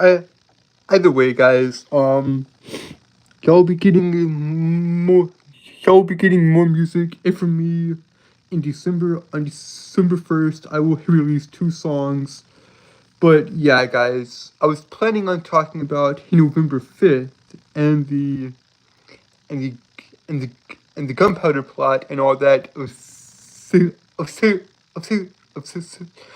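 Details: Adult man with a speech impediment present since birth, who says he holds syllables rather than repeating sounds; stuttering.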